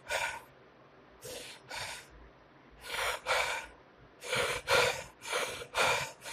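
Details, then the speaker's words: Instructor imitating Cheyne-Stokes respiration, seen in dying patients: after pauses, breathing starts shallow then grows faster and deeper to a climax, then slows, shallows and stops; cycle repeats. "और बंद, धीरे धीरे rate ज्यादा, depth ज्यादा, और climax तक पहुंचने के बाद फिर रेट कम, डेप्थ कम, और उसके बाद में स्टॉप। Same cycle repeated."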